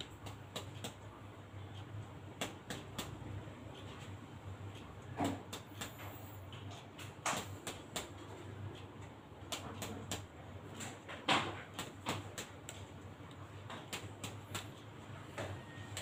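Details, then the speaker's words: Chest percussion over the back of an adult male during a student's basic respiratory examination: a series of short, hollow taps giving a normal resonant (sonor) note, indicating air-filled lungs. "kalau berdasarkan perkusi tadi bunyi yang dihasilkan yaitu bunyi Sonor yang menandakan bahwa performa bapaknya berisi dengan udaranya Pak yang menambahkan hal tersebut normal"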